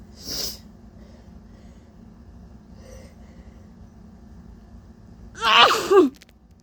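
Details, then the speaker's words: Sneezes self-induced by putting spices up the nose, with a runny nose: one soft sneeze, then after a pause a louder voiced sneeze, two in all. "okay so I got two sneezes honestly that's good enough for me"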